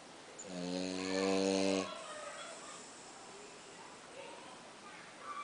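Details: A tired French bulldog snoring very loudly: one loud, drawn-out, buzzing snore on an in-breath, then quieter breathing with faint room noise.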